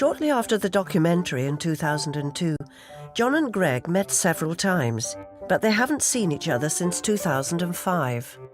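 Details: Adult narrator; normal speech.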